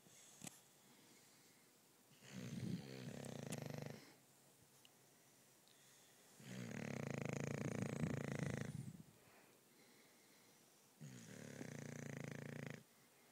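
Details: Sleeping female English Bulldog, a loud sleeper: three long, rough, rumbling snores roughly every four to five seconds with quiet pauses between; steady snoring.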